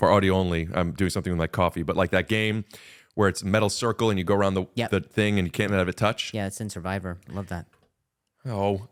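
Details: Adult male speaker in conversation; ordinary speech.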